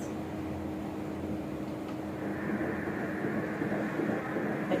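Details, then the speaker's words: Fetal heartbeat at 12 weeks 5 days of pregnancy on Doppler ultrasound: fast rhythmic whooshing pulses at 147 beats a minute, a normal fetal heart rate. "Heartbeat হ্যাঁ শুনতে পাচ্ছেন না এটা হচ্ছে heartbeat এটাও ভালোই আছে আলহামদুলিল্লাহ"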